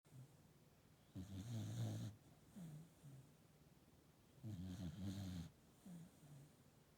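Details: A sleeping sheep snoring: low rumbling snores on each breath with quieter snorts between, about 18 a minute.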